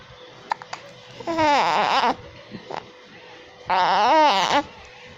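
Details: Infant with hiccups: two short, high-pitched cry bursts with a few soft clicks between them, in a quiet room.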